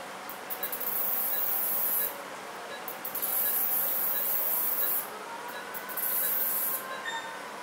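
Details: Phacoemulsification during vertical chop of the nucleus in an elderly woman with pseudoexfoliation, poor pupil dilation, hypermature cataract, shallow anterior chamber and incomplete rhexis: soft steady hiss with bursts of high-pitched buzzing and faint beeps.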